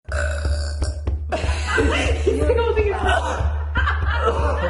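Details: A girl burping with friends gives loud, drawn-out belches with a low hum and background music, followed by chatter and laughter.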